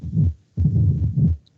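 Low-pitched, rumbling heart sounds in long sustained stretches separated by a brief pause, matching the diastolic rumble of mitral stenosis.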